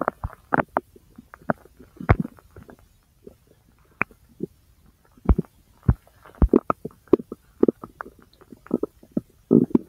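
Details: Abdominal sounds recorded over own large intestine: frequent irregular, lively gurgles, pops and short rumbles; active bowel sounds (borborygmi).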